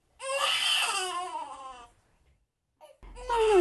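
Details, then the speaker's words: Four-week-old girl crying and fussy after her midday feeding, often for hours: long, high wailing bursts with a brief pause, typical of an unsettled baby. "You know, she'll cry and cry for what seems like hours at a time. And I just I don't know what to do to stop her."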